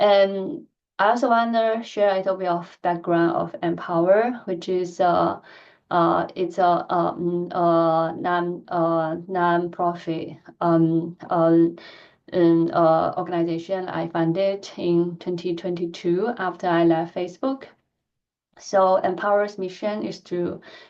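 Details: Adult woman who stutters, giving a presentation, a setting where she says she stutters more than in private; stuttering.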